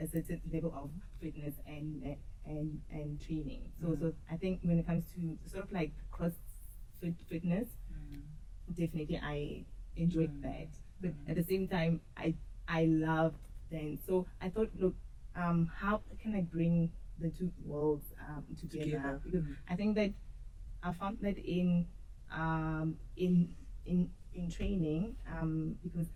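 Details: Adult woman who stutters, noticeable in her speech, and has struggled with it since school; stuttering.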